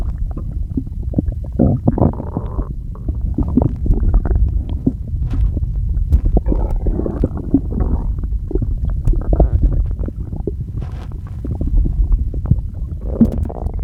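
Continuous low gurgling and rumbling with bubbling bursts throughout, typical of active bowel sounds; ordinary stomach growling.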